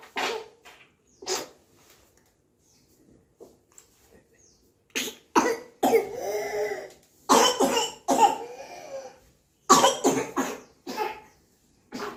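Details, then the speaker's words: Bursts of harsh, rapid coughs in quick runs, each followed by a noisy drawn-in inspiratory whoop: a paroxysmal whooping-type cough. "this is inspiratory wo right inspiratory woof that is inspiratory woof inspir inspiratory woof woof that is woof that is coughing and woofing yeah see see it's a woof the sound yeah yeah yeah that's called whooping y"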